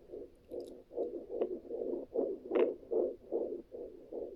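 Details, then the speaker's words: Fetal heartbeat picked up at home with a handheld Sonoline B fetal Doppler: rapid, regular whooshing pulses at about 150 a minute. "that's the baby's heart wait you sure well it is"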